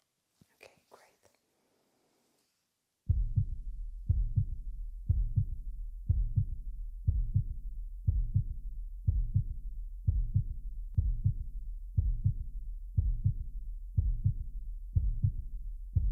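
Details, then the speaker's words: Adult woman who does a lot of sports and reports occasional irregular heartbeats, at a routine cardiovascular check: a steady stethoscope heartbeat at about 60/min, with only the first and second sounds, normal rhythm and no murmurs. These are normal heart sounds. "so so far like I said I didn't hear any murmurs normal Rhythm"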